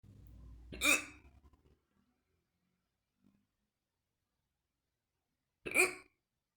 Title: Painful fast and deep Hiccups